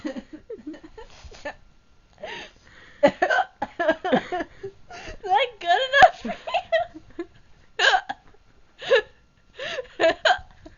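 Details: Girl with hiccups while talking and laughing: sharp, abrupt voiced gulps break into speech and laughter.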